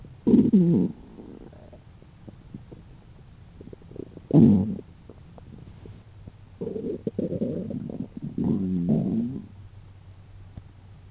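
Several low gurgling, growling rumbles at irregular intervals over quiet background; ordinary stomach growling from gas and fluid moving through the gut.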